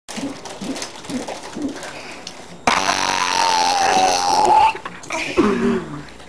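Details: 4-year-old boy deliberately burping: a long, loud, drawn-out burp lasting about two seconds, with quieter chatter and room noise around it; burping.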